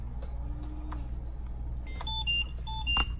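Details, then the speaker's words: Philips Trilogy 100 ventilator turned back on after switching circuit type from passive to active: short electronic power-on tones and clicks over a low room hum. "finish and exit and you're going to turn the machine back on as normal"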